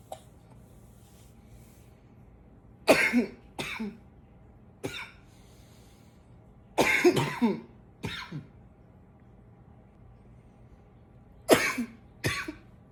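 Four bouts of coughing, each with two or three harsh, fairly dry coughs, separated by quiet pauses; a plain repeated cough.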